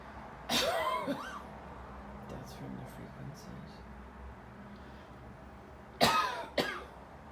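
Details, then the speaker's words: Two bursts of coughing, each a pair of harsh coughs a few seconds apart, with quiet room noise between; the person coughing says they are bringing up phlegm. "Because it goes through your lungs. And then eventually you cough and then the phlegm comes out."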